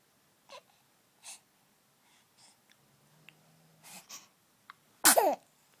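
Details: Baby awake very early in the morning, passing gas and then sneezing: sneeze.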